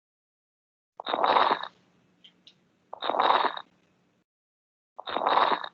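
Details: Three noisy breaths, about 30 a minute, each with a rough, crackling, crumpling-paper quality on inspiration: lung crackles.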